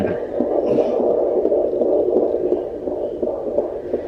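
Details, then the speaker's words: Doppler fetal heartbeat in late pregnancy during a check before a planned unmedicated birth: rapid whooshing around 150–160 a minute while the baby moves (reactive period), settling toward a baseline of 149; normal fetal heart tones. "He's having one of those reactive periods right now that we were talking about with the NST, where his heart's beating really fast. Yeah. Because he's moving around."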